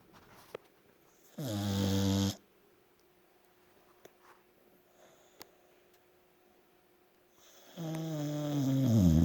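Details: Snoring-type noisy breathing while awake: two short, rough snorting breaths with a buzzing, fluttering quality, separated by quiet pauses.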